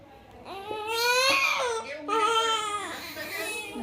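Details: Newborn in hospital, delivered by caesarean section after a painful labour and later on an IV drip, cries in two strong, high-pitched wails with a clear tone, a normal newborn cry, with quiet room noise behind.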